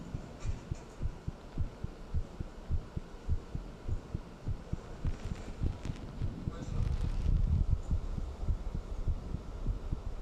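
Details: Soft, steady paired thumps at about 105 a minute over a low hum, recorded after talking with someone and then thinking about them; a normal, slightly fast heartbeat.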